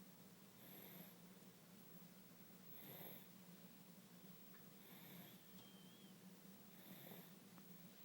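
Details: A sleeping baby boy snoring, tired after his 6-month immunization: soft, regular snoring noises about every two seconds over a steady low room hum.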